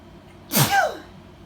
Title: A video of me sneezing #sneeze #blessyou #ahchoo